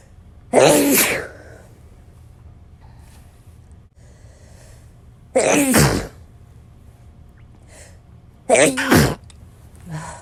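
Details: Sneezes from a compilation: three loud, explosive sneezes, each with a sharp indrawn breath before the burst, separated by quiet room noise, ordinary sneezing.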